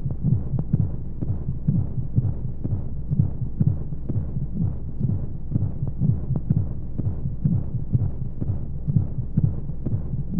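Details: Womb sound played as a baby sleep aid: steady, muffled low thumps at about 125 a minute with regular rhythm over a soft whooshing white-noise background with flowing sounds; heartbeat.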